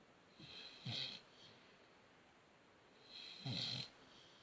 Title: Snoring dog